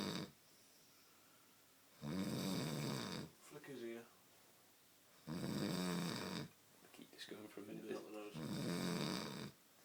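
Loud, rough snoring on each breath in, about three snores heard, with soft murmuring between them; ordinary snoring.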